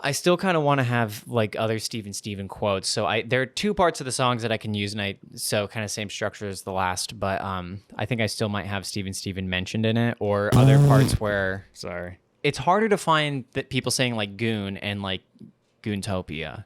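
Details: Adult male speaker; normal speech.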